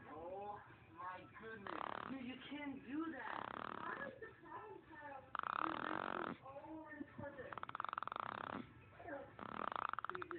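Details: She snores during sleep: repeated rough, rattling breaths, some with a buzzing flutter; snoring.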